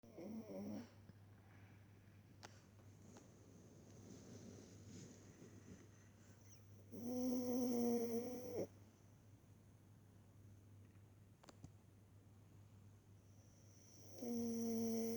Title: Boo snoring on blankie, summer 19